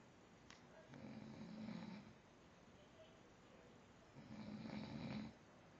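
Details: Snoring: two rough, low rattling snores on breathing in, separated by a quiet pause.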